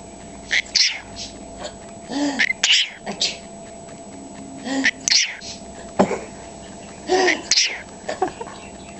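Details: Small animal sneezing for the first time seen: repeated sharp, hissy sneezing bursts mixed with soft chattering squeaks (gibbering).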